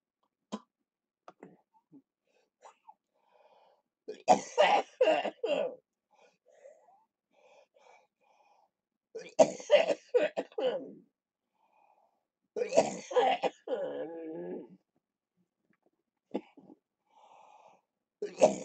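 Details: Three bouts of harsh repeated coughing with quiet breaths and small clicks between: wet productive cough clearing mucus during lower lobe chest therapy for cystic fibrosis.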